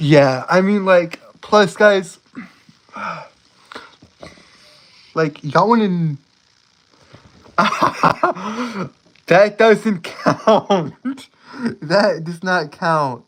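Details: Adult male live-streamer with a self-reported speech impediment who says he stutters a lot: stuttering.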